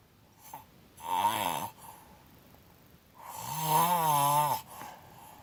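Two loud, droning snores with a rising and falling tone, separated by quiet breathing; mouth-open snoring.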